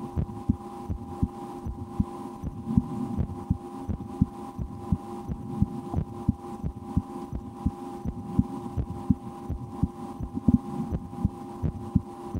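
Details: Adult's own heartbeat through a stethoscope in an ASMR recording, with breath-holding and a game to speed the rate, and loud digestion after lunch; steady beats about 85/min over a constant low hum; normal heart sounds.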